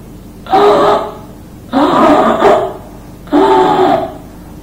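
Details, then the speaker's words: Infant: three harsh, high-pitched crowing inspiratory breaths (stridor); noisy breathing worse when active, feeding, crying or lying on back; laryngomalacia, softening of supraglottic tissues, is the commonest cause of stridor in young babies. "this is a sound which is called as strider and laryngo malaysia is considered to be the commonest reason for strider in young babies"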